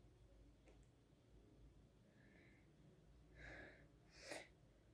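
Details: A quiet breath in, then a single soft sneeze over low room noise.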